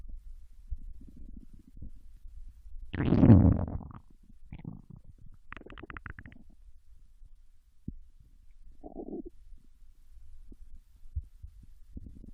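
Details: Japanese woman's intestines digesting ramen and potato chips: low gurgles and rumbles with bubbling squeaks from the belly; ordinary bowel sounds during digestion.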